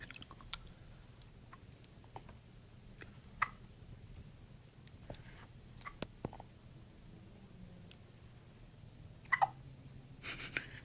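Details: Puppy with hiccups: faint, brief clicking hiccups repeating at uneven intervals over a low room hum.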